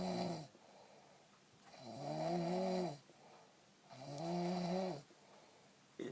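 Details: Regular droning, tonal snores on each breath, about 28 a minute, with quiet gaps between them, during sleep: snoring.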